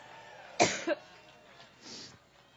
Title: cough